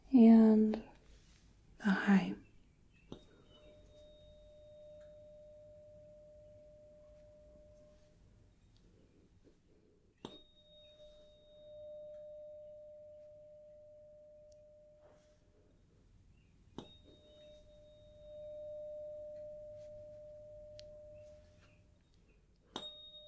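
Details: Role-played ASMR hearing test of the left versus right ear with tuning forks including the mid-range 256 Hz: fork struck four times, each giving a clear ringing tone that slowly fades.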